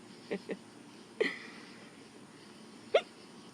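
Four short, sharp, irregular hiccup sounds over a few seconds against quiet room noise; hiccups.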